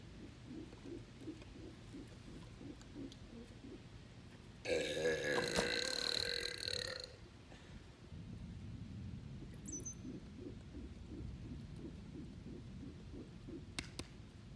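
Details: Person burping while shooting basketball 3-pointers in a pool: one long, loud burp of about two seconds, with splashing water and outdoor noise.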